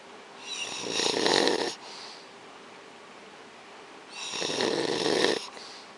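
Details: Rhythmic snoring from a sleeping father in an RV at a church camp meeting while his children sleep: two long, rasping inhaled snores about three seconds apart, roughly 20 breaths a minute, with quiet exhalations between.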